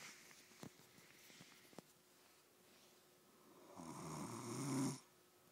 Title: Damn snoring goat